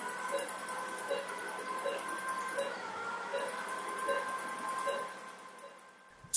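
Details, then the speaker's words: Steady electronic tones with soft pulsing beeps, about 79 a minute, from a phaco machine in quadrant removal mode. Fragments are emulsified at very low power during cataract surgery on a 70-year-old man with a mature white cataract. "now switching to the quadrant removal mode again using very low power each fragment is pulled out of the bag and emulsified at the level of the excess margin"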